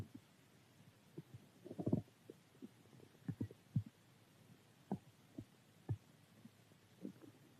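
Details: Stomach growling, normal hunger-type: quiet low gurgles and brief rumbling bursts from the belly.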